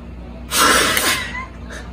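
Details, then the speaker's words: A 12-year-old child's single sharp, hard maximal forced breath out lasting about a second into a peak flow meter; peak flow forced expiration. "okay go ahead hit it hard buddy come on deep breath come on"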